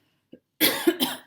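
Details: Adult woman whose voice is failing coughs while talking; a short cough of two harsh, noisy bursts after a faint throat sound; cough.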